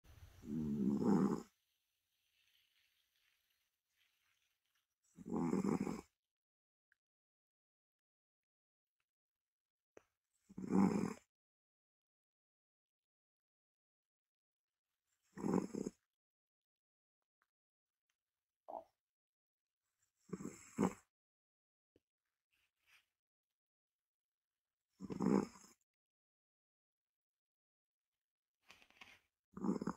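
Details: Loud, rough snores from a sleeping healthy Ragdoll cat, about 12 a minute, with silent pauses between: snoring.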